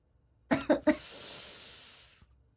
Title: Girl coughing 65